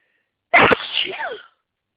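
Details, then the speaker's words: Congested on waking with trees in bloom outside, itchy nose and watering eyes, trying to hold back sneezes. One forceful, explosive sneeze with a sharp onset and a brief trailing vocal sound. "I can feel another one oh come on I hate when this happens I hate when is just Out Of Reach so teasing on I just I just want to sneeze he"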